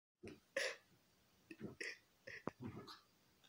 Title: Dog being sick making donkey noise